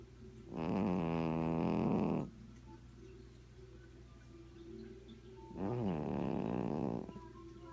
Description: A content, snoring cat napping under his favorite blanket.